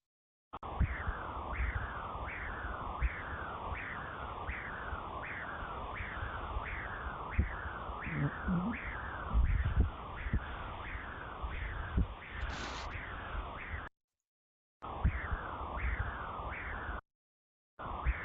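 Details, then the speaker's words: Transcranial Doppler signal of the middle cerebral artery in a critically ill child on mechanical ventilation: a high-pitched sound, with a positive waveform and high flow velocities. "A continuación quiero que escuchen porque es un sonido agudo y a veces es más importante escuchar que ver para poder insonar."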